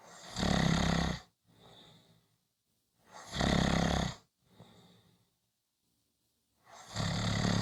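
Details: Short snoring recording: loud rattling snores on each breath in, quieter breaths out, about 19 breaths a minute; typical snoring.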